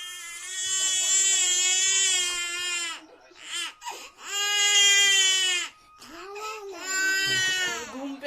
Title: funny sad Baby lunch | Cutest Baby Crying Moments 22/01/2022,